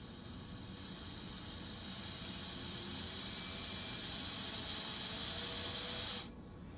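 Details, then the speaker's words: Philips-Respironics V60 BiPAP circuit check with a T-piece adapter, pressure line attached and circuit occluded: a steady rising airflow hiss for about six seconds, then it drops off and the test passes; ventilator circuit check. "You attach the circuit, you attach your pressure line, the other end to the pressure port. Occlude the circuit, leaving the exhalation valve open. Start."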